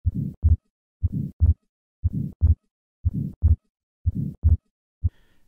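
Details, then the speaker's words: Atrial septal defect, heard at second left intercostal space with patient sitting up: heartbeat about 59/min, grade 2–3 systolic flow murmur across the pulmonic valve after S1, and fixed split second heart sound. "the murmur and the fixed splitting of the second heart sound are usually heard best at the second left intercostal space with the patient sitting up"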